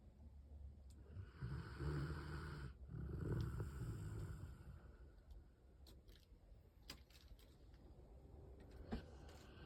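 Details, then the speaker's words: Sleeping puppy snoring: low, rumbling snorts on two breaths, then quieter breathing. "Like and subscribe for more snoring dogs."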